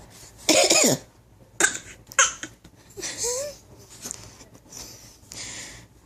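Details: Voluntary fake cough from a 6-month-old infant on request: several short, breathy coughs with small vocal sounds between them.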